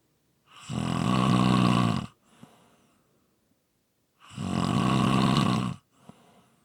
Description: ASMR Snoring Sounds. This is a quick 5 minute clip, followed by a long previously recorded clip